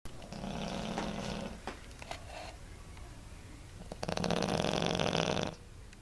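Small dog snoring: rough, rattling breaths in and out while asleep, with some room noise.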